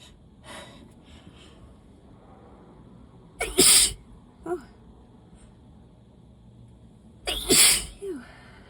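Two forceful, wet-sounding sneezes, each preceded by a brief in-breath; repeated allergy sneezing.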